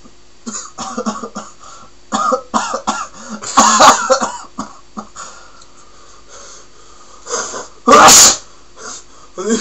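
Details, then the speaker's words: Self-induced sneezing after sticking homemade paper sneezing sticks up the nose: several sharp explosive bursts including a loud sneeze, with short breathy sounds between; sneezing. "we're going to stick these up our noses up our noses make ourselves sneeze how many times as many times as we sneeze as many times as we can sneeze"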